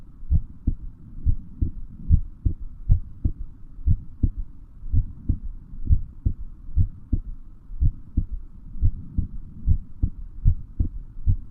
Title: Heartbeat sound